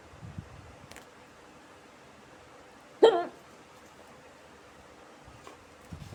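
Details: A woman has a single abrupt, high-pitched hiccup after smoking a cigarette, with fainter breath sounds around it in a quiet room; hiccups.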